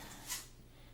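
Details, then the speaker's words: One faint, brief hissing sneeze from a cat in the background; all four household cats have been sick this week, a respiratory infection per the sound description. "yeah so you saw Ziva jump up here you can probably hear her sneezing in the background it has been a heck of a week over here for the cat population"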